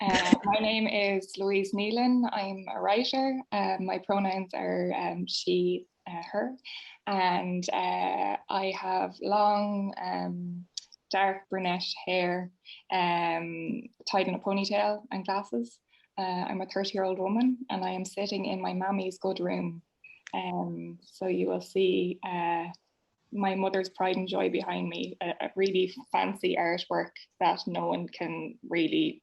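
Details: Adult woman speaking; typical speech.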